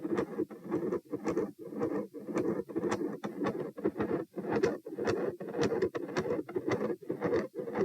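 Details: Stethoscope heart sounds at position P on standing during a postural test (lying 78, sitting 84, standing 108, lying 78 bpm): fast, fairly regular, scratchy-toned beats near 110 a minute.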